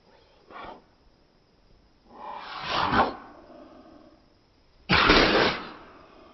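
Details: Slow-motion (240fps phone video) cat sneezes: a faint puff, then two drawn-out noisy bursts, the last the strongest.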